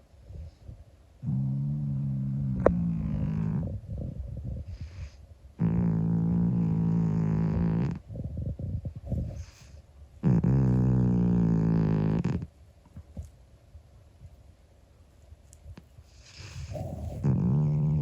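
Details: Snoring from Monkey, a 25-year-old calico cat asleep: long, low, buzzing breaths with short quiet gaps between them, harmless here.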